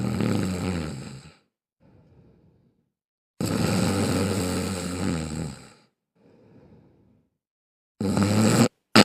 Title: When You Didn't Know She Snores 😭 #comedy #fyp #short #shorts